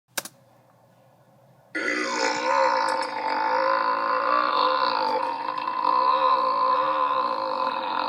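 A sustained, loud, rumbling belch lasts about six seconds after a brief click. Exaggerated burp from an animated show.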